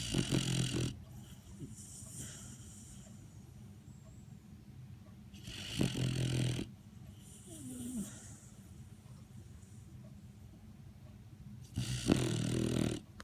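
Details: A sleeping Labrador snoring: three loud, rattling snores about six seconds apart, roughly ten breaths a minute, with quieter breathing between them.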